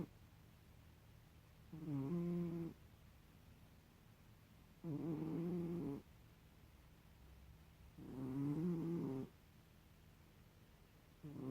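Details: Dora, a sleeping cat, snoring: soft, regular buzzing snores at about 19 a minute, with quiet pauses between breaths.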